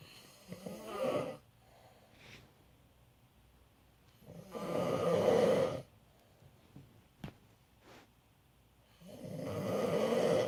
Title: Dad Snoring